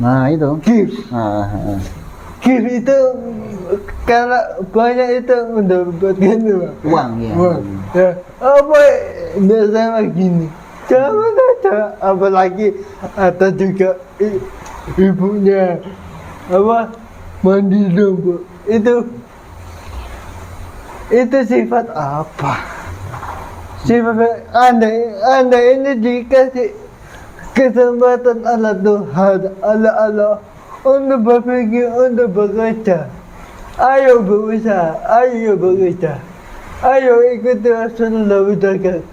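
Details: 22-year-old man with cerebral palsy (physical disability), which was linked to a difficult, delayed delivery at birth; dysarthria (cerebral palsy).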